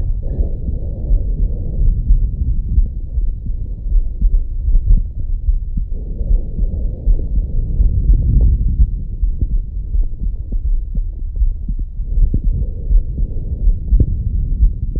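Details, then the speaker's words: Soft, low rustling breaths about every six seconds, recorded with a Stemoscope digital stethoscope in lung-field mode over the front of an adult's chest: normal vesicular lung sounds. "there we have it so that is the lung sounds for you"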